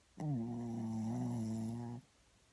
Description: Our little Shih Tzu snoring while cuddling